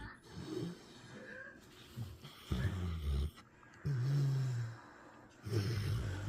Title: She Is Snoring! #dog #dogmom #puppy #puppers#doglover